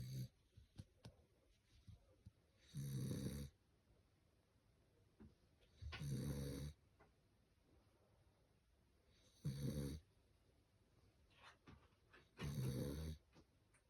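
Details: Sleeping dog snoring loudly: regular soft snores, four in about 14 seconds, roughly 18 breaths a minute, in a quiet room; snoring.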